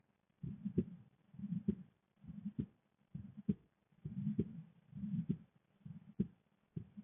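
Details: Steady, low heartbeat thumps at about 67 beats a minute, heard through a stethoscope, with a visible female neck pulse: normal heart sounds.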